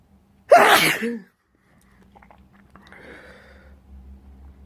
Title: Sneezing off camera, blowing on camera